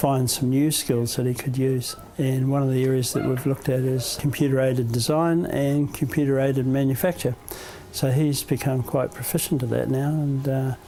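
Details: Adult male speaker; typical speech.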